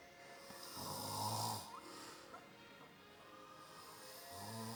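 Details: Adult stepfather who fell asleep in front of the TV: low, rough, droning snoring breaths rising and fading, with faint background music; snoring.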